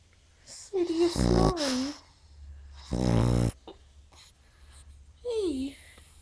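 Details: Snoring in a sleeping pug: two loud, rough, rattling snore breaths with soft whining squeaks between them and a low room hum.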